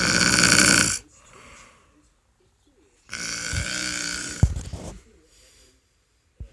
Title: snoring and P whoring